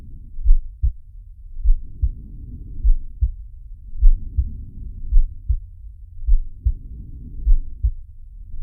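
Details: Simulated heartbeat and breathing of Sharky, an animated cartoon shark from Zig & Sharko: muffled heartbeats about 100 a minute with three slow breath sounds swelling and fading, roughly 20 breaths a minute.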